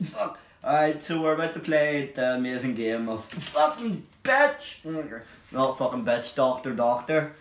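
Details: Vocal tics with coprolalia in an adult with Tourette syndrome; the involuntary tics, including vulgar words, are left unedited and occur while playing a game.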